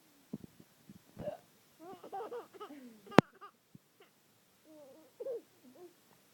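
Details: Adult woman's morning hiccups: several abrupt, sharp hiccups mixed with brief laugh-like vocal sounds in a quiet room.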